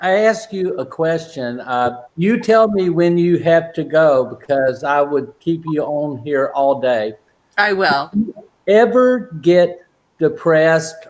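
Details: Adult man with aphasia since a stroke during heart valve surgery in 2007, at first limited to single words, now non-fluent with repetitions and filler words; aphasia (post-stroke).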